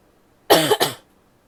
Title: coughing (f) wet and barky